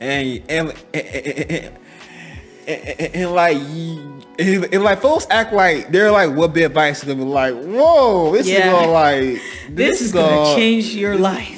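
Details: Adult man who has stuttered all his life, since he could talk, and saw speech teachers; a speech therapist noted his face becomes extremely tense on certain words; stuttering.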